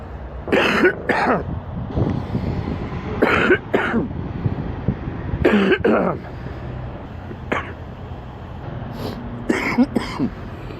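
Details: Sick man with an extremely stuffy nose: four deep, loose, congested double coughs over outdoor traffic noise; wet productive cough.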